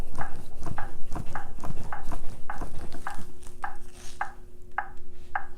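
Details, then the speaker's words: AED training demonstration of a non-shockable rhythm: after no shock is advised, the device prompts CPR. Regular short metronome beeps at roughly 110 per minute pace the thumping chest compressions. "Push to match the tone. So you match the tone with the metronome that's present."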